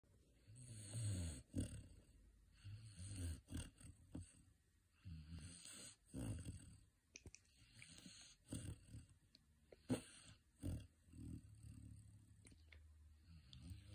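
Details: Female Saint Bernard puppy napping, snoring gently: soft, regular low snores about every two seconds with faint snuffles.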